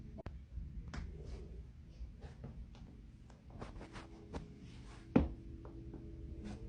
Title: cracking joints